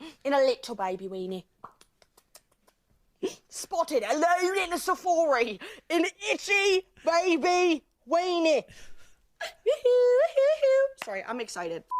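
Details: Involuntary vocal tics in a 21-year-old woman with Tourette syndrome, a chronic neurological disorder with motor and vocal tics; her tics can be triggered by anything she sees, hears, smells or thinks about; TV show promo audio.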